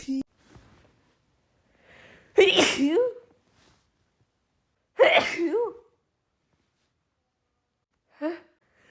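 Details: Uncontrollable sneezing fit in a female attributed to pollen: two loud sneezes with sharp voiced releases, a quieter third burst and faint in-breaths between them.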